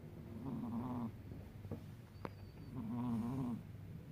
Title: Cats/Have you heard how cats snore? #Shorts